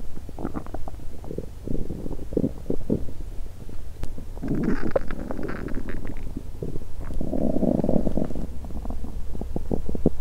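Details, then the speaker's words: Woman fasting over 17 hours, period due that day and abdomen bloated: low gurgling, rumbling and squelching from an empty stomach in irregular bursts with brief clicks and pops; normal hunger borborygmi. "At this point, I haven't eaten anything in over 17 hours. "Ah~, I'm hungry~"."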